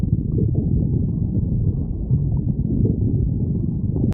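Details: Stomach growling (borborygmi).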